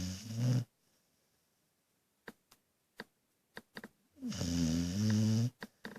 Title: Snoring dog